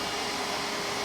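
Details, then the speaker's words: Aerolase 1064 nm microsecond laser treating facial melasma in a dark-skinned adult female patient: steady loud rushing hiss of the laser handpiece and cooling fan during treatment. "but now we're using the 1064 to break apart this pigment"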